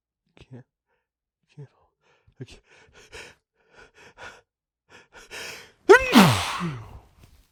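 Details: Small sneezing fit caught in tissues: several quiet, hitching breaths build up to one loud, forceful sneeze, then a brief exhale; hitchy sneeze.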